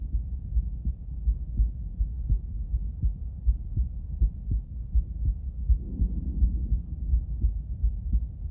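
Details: Female heart auscultated with several different stethoscopes via microphone, moving Erb's point, mitral, tricuspid, aortic, then pulmonic; regular soft lub-dub about 80/min, no added sounds; normal heart sounds.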